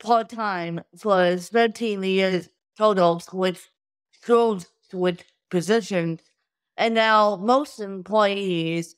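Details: Adult woman with cerebral palsy from birth due to lack of oxygen at birth, a wheelchair user with difficulty speaking, sitting up and eating who tires easily; dysarthria (cerebral palsy).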